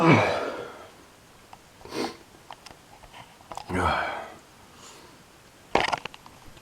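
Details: Person with summer allergies: several loud, sharp sneezes in a small room, with sniffs and noisy breaths between; intense allergic sneezing.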